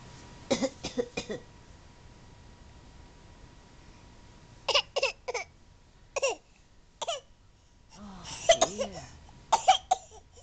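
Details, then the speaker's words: Several short, harsh coughs in quick bursts from a young child said to have a bad cough, over a steady background hum; a sneeze and yawn follow. "brendon do you have a bad cough do you have a bad cough brandon"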